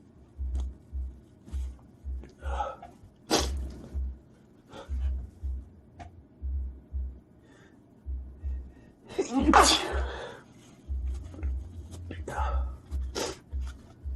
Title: A fresh sneezing fit compilation video for these trying times.